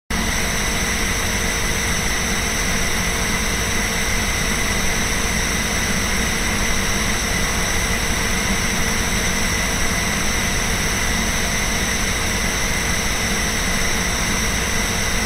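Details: Incoterm NB090 compressor nebulizer running for an aerosol treatment beside a portable desk fan: a steady mechanical hum and hiss blended with the fan's constant airflow noise.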